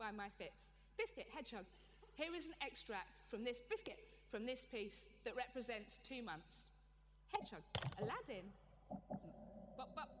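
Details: Adult with Tourette syndrome, a neurological condition causing involuntary movements and noises; this stretch consists of involuntary word vocal tics; Tourette syndrome vocal tics.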